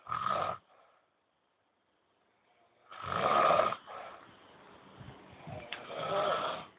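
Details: Old men snoring nightly while sleeping: loud, rasping snores with long pauses between, followed by noisy fluttering breaths in a quiet room; snoring.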